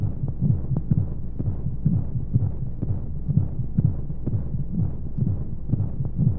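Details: Womb-sound baby sleep aid with white noise: rapid soft low heartbeat thumps, about 125 a minute, under a steady rushing noise, like a heartbeat heard from inside the womb.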